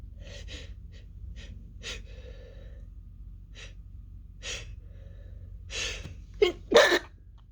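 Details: Woman's sneezing fit, almost fully stifled: run of short, muffled, held-back sneezes, then two louder, open sneezes at the end of the fit.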